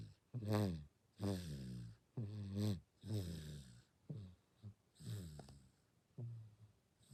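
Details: Six-month-old baby (day 194) snoring while asleep: rhythmic snoring with each breath, about 30 breaths a minute; infant snoring.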